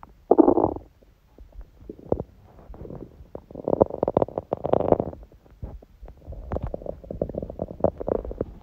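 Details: Hunger stomach sounds, with sneezing: bursts of gurgling, bubbly rumbling with short quiet gaps; normal hunger borborygmi.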